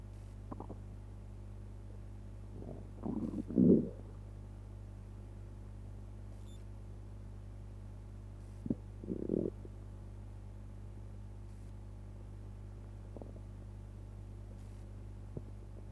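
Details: Gurgling abdominal rumbles after eating pizza, in two short bursts over a steady low background hum; bowel sounds (borborygmi).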